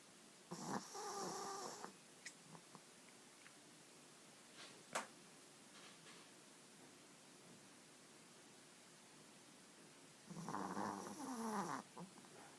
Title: A cute dog snoring